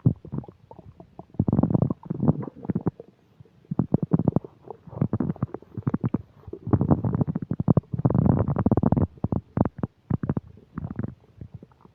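Loud, frequent gurgling and rumbling bowel sounds in irregular bursts, typical of active digestion after a meal.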